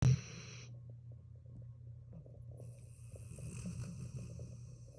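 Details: Dog snoring loudly while asleep with one eye open: low, steady throaty rumble with faint rhythmic flutter and light background hiss.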